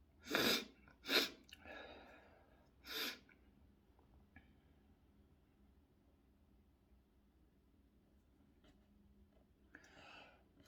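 A quick burst of three sneezes with a breathy catch between them, then quiet room noise and a soft exhale.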